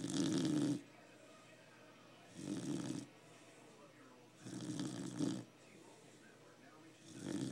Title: Our snoring dog